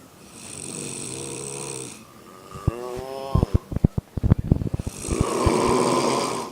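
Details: Four intoxicated women snoring in a hotel room: overlapping snores, with rough droning and a fluttering rattle in a quiet room.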